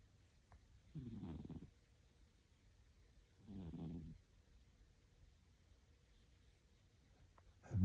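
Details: Two soft, low, rumbling snores about three seconds apart over a quiet background from a Persian cat who recently got a lion cut and is cold; snoring.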